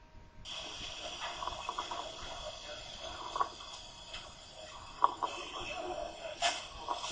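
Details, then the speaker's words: Tracheal rattle, audible without a stethoscope, in a patient unable to clear the airway: wet, gurgling rattles in both phases of breathing, expiration-predominant, from secretions in the larynx and trachea. "lo podemos detectar por extra auscultación y nos da una idea de la cantidad de secreciones que puedan estar alojadas en la laringe y en la tráquea lo van a presentar algunos pacientes que son incapaces de limpiar su vía aérea escuchemos un estertor traqueal"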